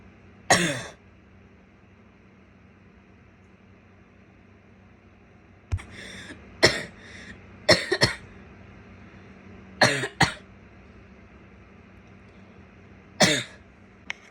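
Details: Adult woman coughing repeatedly in a quiet room, some coughs wet and others harsh and barking.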